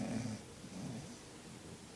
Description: My dog was snoring I hope ull b able to hear it.